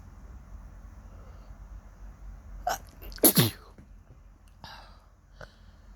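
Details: Quick intake then one loud sneeze burst and softer sniffs in a quiet room, on waking in the morning with a suddenly itchy nose; sneezing.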